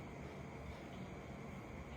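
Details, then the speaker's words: Simulated continuous machinery murmur: steady unbroken low rumbling heard through a stethoscope made by drawing circles on the hand, a study hack for learning murmurs. "Continuous machinery murmur."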